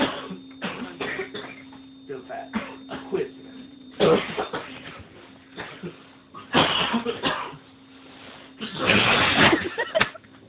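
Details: Several adults coughing hard together, loud harsh bursts in quick runs with quieter talk and background hum between; repeated forceful coughing.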